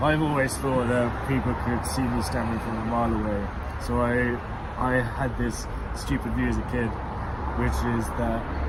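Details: Man who stammers, and who stammered as a child; stuttering.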